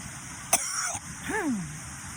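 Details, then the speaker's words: Person sneezing after hiking down to a waterfall, who thinks the sneezes come from the trees; a single sharp sneeze followed by a brief voiced sound over rushing water. "Well, I hiked down here and I think I got like sneezy from like the tree roll and stuff."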